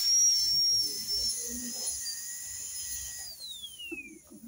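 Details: High-speed dental drill with an extra-fine bur during minimally invasive contact-lens-type veneer preparation: a steady high-pitched whine that falls in pitch as it winds down, with faint room noise.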